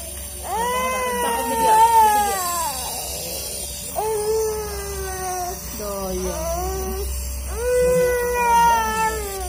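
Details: One-year-old with cough, cold and flu cries in repeated, high, wailing bursts during nasal steam therapy, over the steady hum of a nebulizer machine; infant crying.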